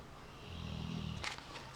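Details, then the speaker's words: Low rumbling snore ending in a snuffly exhale, from Sky, a pet taking an afternoon snooze, heard over room noise; snoring. "You can hear any snoring, by the way, in the background. It is Sky. She's having an afternoon snooze."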